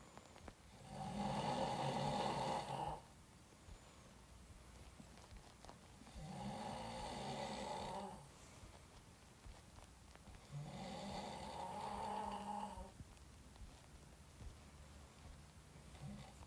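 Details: Adult man, an actor, snoring while asleep, recorded by a friend: loud, rattling snores on three breaths in about 16 seconds, roughly 11 breaths per minute, with quiet exhalations between.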